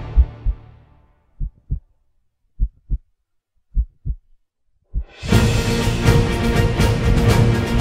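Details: Paired low lub-dub thumps near 70 a minute giving way to loud orchestral music, a heartbeat sound in an epic music mix; heartbeat.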